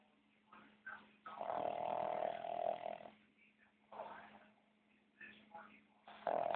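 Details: Cat snoring with his eyes open: soft, nasal, fluttering breaths recurring in short bursts with quiet gaps; snoring.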